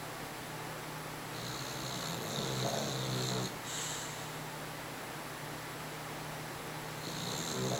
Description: Some of the funniest dog snoring I've heard...forward to the middle to hear it.